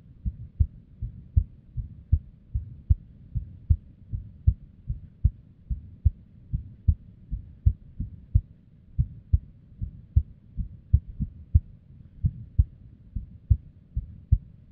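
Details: Female resting heartbeat, described as unstable, recorded with a simple microphone or headphone. Low thumps around 78 a minute with uneven spacing and varying strength: an irregular rhythm with arrhythmia and abnormal beats.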